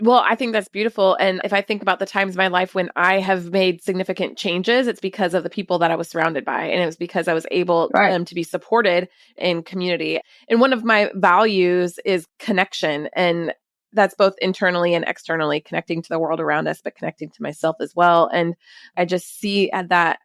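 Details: Adult woman speaking; normal speech.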